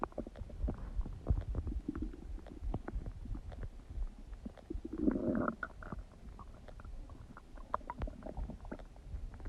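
Frequent low gurgles, pops and squelching rumbles with a louder bubbling burst midway: active bowel sounds, or borborygmi, during digestion.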